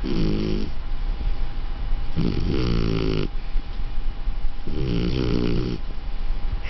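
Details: 4-month-old beagle–Australian shepherd mix puppy snoring loudly: three low, rumbling snores on breathing in, about one every 2.5 seconds, over steady room hum.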